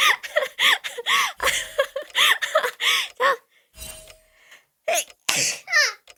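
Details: Burst of laughter followed by a sharp sneeze with an odd, high, squeaky voiced tail.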